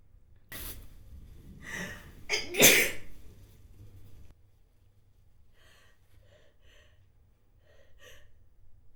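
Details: Woman with allergies gives two sharp, noisy breath bursts building to one loud, forceful sneeze, then faint quiet sounds in a small room: sneezing.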